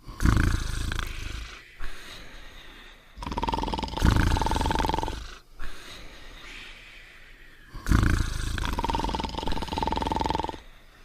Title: Cartoon Dog and Potsworth Sleeping and Snoring Together